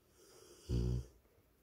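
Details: Tired sleeping Rottweiler dog: a single loud, low, rattling snore on an in-breath in a quiet room; dog snoring.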